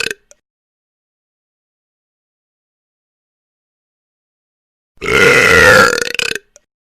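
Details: Sound-effect recording of funny burping: one long, loud, drawn-out belch with brief clicks around it.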